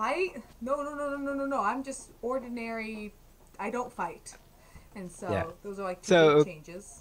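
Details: Adult female speaker; normal speech.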